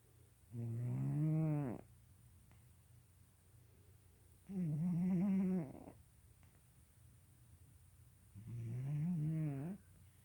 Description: My cat Kitten (yes that's his name) snoring.